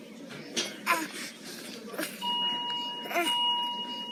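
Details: Infant in a paediatric assessment lecture: short, voiced grunts at the end of each breath, about one a second, over a steady monitor tone; expiratory grunting.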